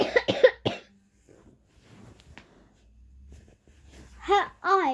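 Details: 10-year-old girl coughing while reading a story aloud and laughing: a short run of three quick coughs, then quiet breathing and a return to voice.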